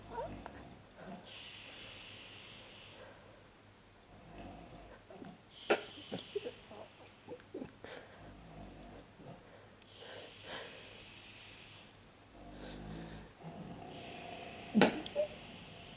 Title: My Mom has Weird Snoring 1